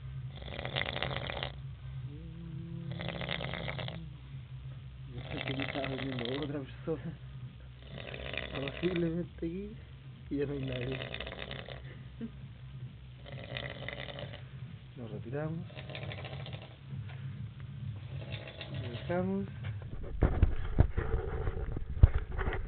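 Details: Man snoring after 27 hours of partying, heavy drinking and smoking; loud, rough snores about every two seconds, roughly 28 a minute, with fluttering as breath moves in and out; typical snoring.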